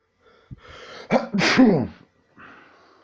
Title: sneezing like a crazy person!